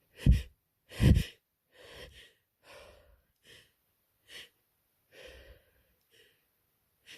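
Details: Adult with a head cold (sore throat, very runny nose, heavy congestion): two forceful sneezes, then softer breathy catches and sniffles in a quiet room.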